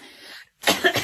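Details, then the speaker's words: Woman who is currently ill and could not sleep: soft breathing noise, a brief pause, then a harsh burst of about two coughs. "Ai. Nossa. O vídeo vai ser a maior parte do vídeo tossindo."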